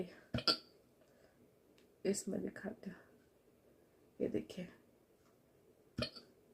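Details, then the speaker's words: Woman with repeated hiccups early in the morning that keep her from sleeping: abrupt short gulping clicks, about four bouts in six seconds, each a sudden catch of breath, in a quiet room. "और हिचकी ने तो मेरा जीना हरम कर दिया नींद हरम कर दी है"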